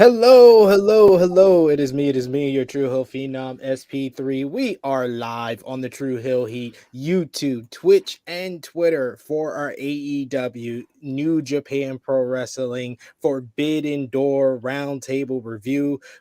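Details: Adult male speaker; Normal voice.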